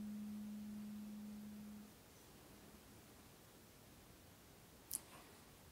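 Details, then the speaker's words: Struck tuning fork, the sixth of eight at a slightly higher frequency, repeated to one ear in an ASMR role-play hearing test and described as trickier to hear: a steady low pure hum fading after about two seconds, then a faint click. "so what are we thinking this was slightly trickier to hear not as strong as the others or the same"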